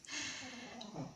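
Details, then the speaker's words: Snoring from a sleeper, heard in the background while someone talks. "is snoring so that's the soundtrack to this"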